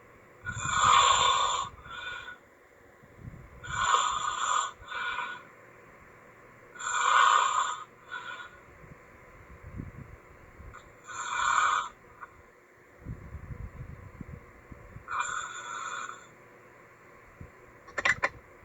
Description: authentic snoring for those who hate silence.